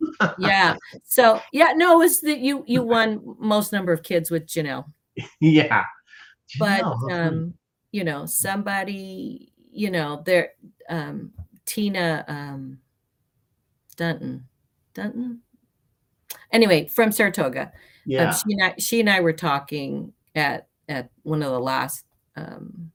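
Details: Adult female, traumatic brain injury from a car accident in May 1990, about 30 years earlier, worse when nervous, mild one-sided low-tone hearing loss; aphasia (halting, non-fluent speech with word-finding pauses).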